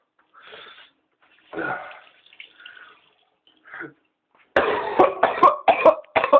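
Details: First-person recording of an adult with pertussis (whooping cough), about 2 weeks ill, tested and on medication, early morning: paroxysmal coughing fit, coughing until unable to breathe, with dry heaving.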